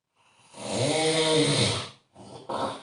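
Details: Snoring: one long, rattling snore on the in-breath, followed by a brief softer snort.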